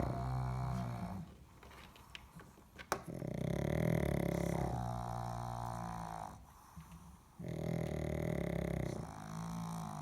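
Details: Pugs, including a sick little female who went to sleep with mommy, snoring loudly: deep, rattling snores on each breath with brief quiet gaps.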